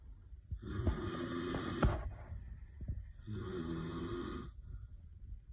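Low rumbling snores with a rattling, fluttering quality on the in-breaths, two snores in a few seconds; ordinary snoring in a quiet room.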